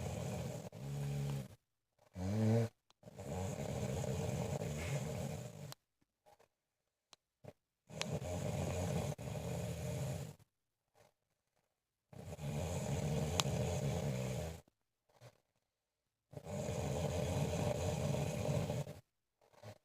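Loud, rough, low rattling snores on each breath in, with quiet pauses between, about 15 a minute: heavy snoring.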